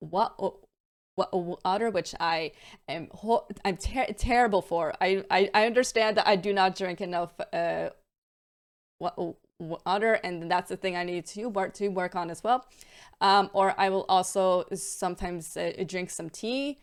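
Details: Adult female with a stammer, with repetitions and blocks that worsen on bad days and with stress, causing strain on her voice; stuttering (stammering).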